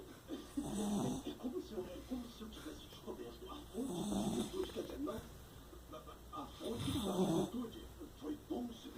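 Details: Sleeping dog snoring: low rattling snores on each in-breath, about 20 per minute, over steady room hum.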